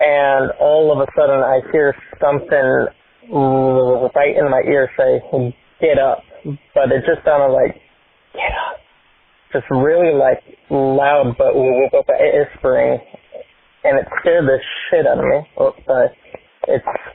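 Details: Adult male with a self-reported speech impediment and stutter; stuttering.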